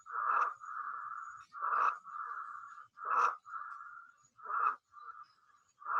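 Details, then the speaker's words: Teaching example of stridor: harsh, high-pitched, steady whistling on each breath, about seven cycles in six seconds. Stridor arises from laryngeal or tracheal obstruction, is mostly inspiratory, and increases with breathing intensity. "e é o estridor ele ocorre quando há obstrução aline ou na traqueia vai ser mais comum na fase inspiratória e ele vai aumentar com a intensidade da respiração é um som mais intenso e mais agu"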